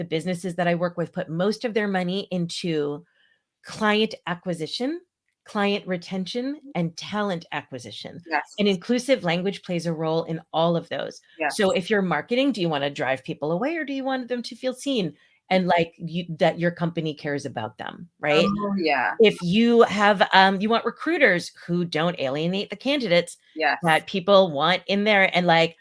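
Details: Adult women in conversation; normal speech.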